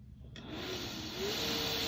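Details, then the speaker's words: ResMed Astral home ventilator with a single-limb circuit and vented mask, just after ventilation is started: quiet room, then a sudden airflow hiss that swells as the ventilator begins delivering breaths. "Okay, we can see here that we are ventilating now. My pressure bar is going up and down over here on the left."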